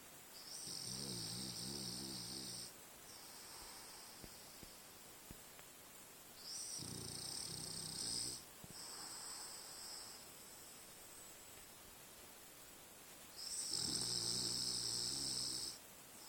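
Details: Rhythmic rattling snores on the in-breath with whistling, about four breath cycles a minute; a French bulldog dreaming and snoring while asleep after a long day in the forest.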